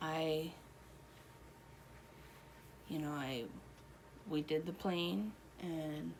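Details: Adult woman, real patient, one year after a stroke, with Broca's aphasia and impaired reading and writing; Broca's aphasia.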